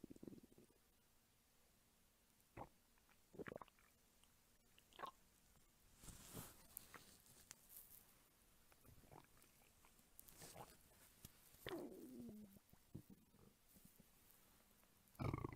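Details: Faint scattered gurgles and squeaks over quiet room hiss, with one longer gurgling rumble, from a hungry adult woman's belly recorded for ASMR; ordinary hunger stomach rumbling (borborygmi).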